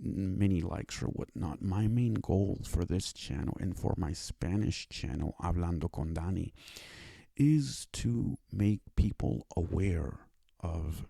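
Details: Speech impairment (speech disability/impediment) in a male with cerebral palsy; it took five years to obtain speech therapy.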